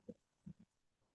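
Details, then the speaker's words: Imitated mouth snore demonstrating snoring from open-mouth breathing: brief low rattling bursts from airflow turbulence at soft palate and throat. "I'm drawing air into my mouth that air is meeting the the back of the roof of the mouth the soft pallet and the throat and it's causing turbulence"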